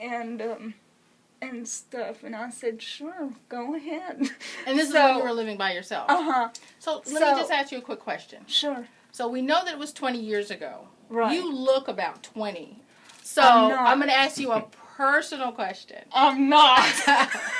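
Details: Adult woman speaking, in conversation; typical speech.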